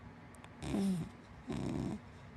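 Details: Two rattling, snorting breaths a second apart from a sleeping dachshund–black Labrador mix dog over quiet room noise: ordinary snoring.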